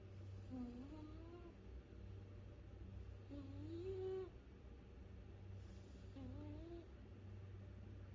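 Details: Cat's snoring during sleep: three rising, squeaky whistling sounds about every three seconds over a steady low room hum.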